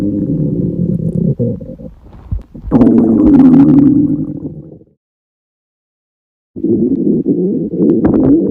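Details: Girl on a diet holding off eating while very hungry: loud, drawn-out stomach growls and gurgles filling the room, normal borborygmi of an empty stomach.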